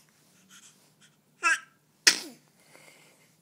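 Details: A failed sneeze ending in an exasperated "Oooohh" sigh; sneeze.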